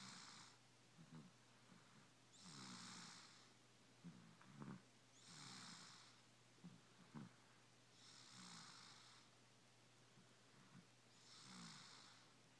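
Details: Sleeping subject snoring: soft rhythmic snores, about 20 breaths a minute, each breath carrying a rough, airy rattle; snoring.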